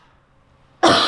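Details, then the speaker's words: Demonstrated self-assisted cough for post-sternotomy or abdominal surgery pain: deep breath, head tilted back, hold, hugging a pillow and leaning forward, then one strong, sudden cough burst after a quiet pause. "she's just going to take a deep breath in tilt her head back hold it hug the pillow come forward and"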